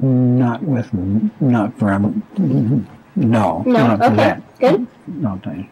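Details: Severe, long-term persisting Wernicke's aphasia in a man answering simple yes-no questions; fluent speech without articulatory problems but words that do not make sense, and severely impaired comprehension.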